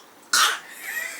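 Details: A 2-year-old toddler gives one short, forced cough to get cough syrup; the parent says the child has no cough. This is a deliberate, voluntary fake cough with no sign of illness.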